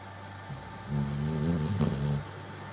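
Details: Labrador dog snoring: a single drawn-out, low, rattling snore lasting just over a second during inhalation, with a quiet room before and after; the snoring keeps the owner awake.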